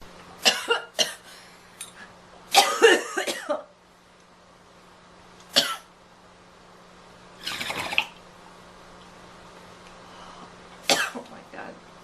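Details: Girl coughing: about seven harsh coughs in short bursts over twelve seconds, with throat clearing; cough.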